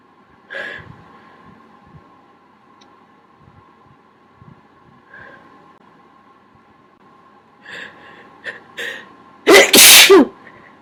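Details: Held-back sneezes: several small stifled sneezes, then one loud full sneeze near the end, over a steady background hum; said to be smaller than usual.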